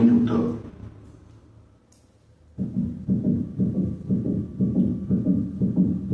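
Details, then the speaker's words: Teaching recording at the mitral valve area at 120 beats per minute: regular heart sounds with a brief extra click between the two main sounds, a mid-systolic click. "escuchemos un chaido mesosistólico en el área Val mitral primero a 60 latidos por minuto"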